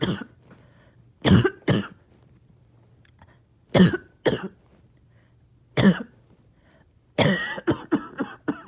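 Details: After a breathing treatment, repeated harsh wet productive coughs, mostly in pairs, ending in a rapid run of about six, with coughing and choking on phlegm; part of nearly 40 minutes of painful mucus clearing.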